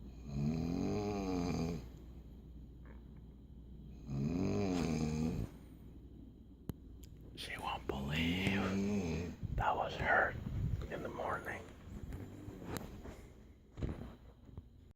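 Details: Sleeping person who denies snoring: two loud, rattling snores on breathing in, then quieter breathing, with faint whispered talk and rustling nearby; snoring during sleep.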